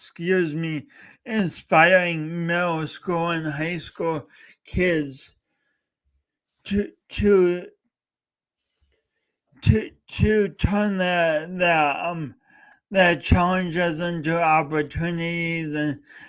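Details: Adult man with a speech impediment talking for three hours straight, with repeated words and fillers; stuttering.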